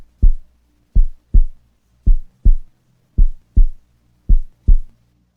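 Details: Stethoscope auscultation of a female patient's heart: regular, clean lub-dub heart sounds at about 54 beats a minute, no murmur; normal heart.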